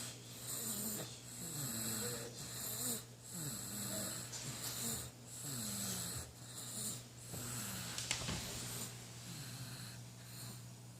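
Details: A sleeping 4.5-month-old baby makes repeated noisy, rattling breaths with squeaky snoring tones, about 15 breaths a minute, over a steady background hum: infant snoring.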